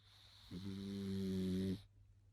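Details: One drawn-out, whistling, tonal snore on a single breath over steady hum, from a sleeping pug puppy nearly 10 months old.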